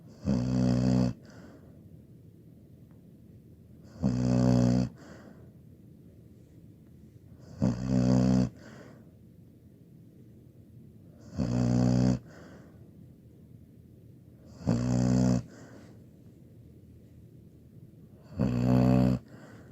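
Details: 17-year-old female labradoodle snoring: loud, rattling snores on each breath in, about 17 a minute, with quiet breathing out between.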